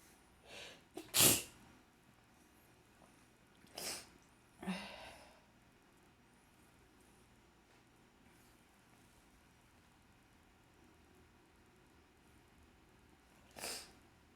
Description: So sneezy on an allergic day